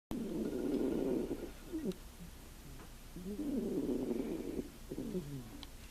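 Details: Blue Russian cat in deep sleep while napping: soft, rattling, buzzing breath sounds in and out, gentle snoring, slight room noise.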